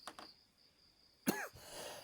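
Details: Comedic acted imitation of coughing: two short soft coughs, then a louder harsh cough burst with a throat-clearing quality.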